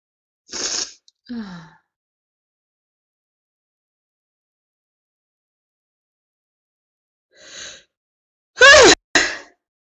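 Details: Woman with a prolonged sneezing fit: several separate sneezes and sharp inward breaths spread out with long pauses, ending in a strong double sneeze.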